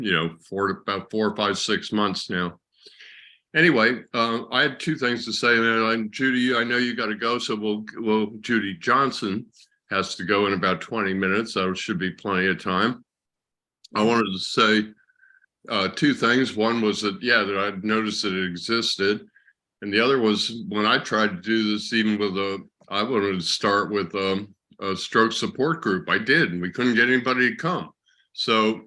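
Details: Adult man speaking; normal conversational speech.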